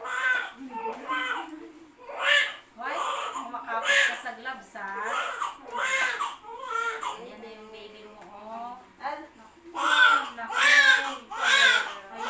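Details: Baby girl just after normal vaginal delivery, born 2:15; strong, repeated crying bursts with clear voicing; a vigorous, normal newborn cry.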